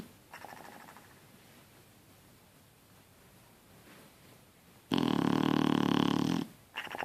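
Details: A sleeping Shar Pei dog takes a soft breath, then gives one long, loud, rattling snore followed by the start of another; snoring.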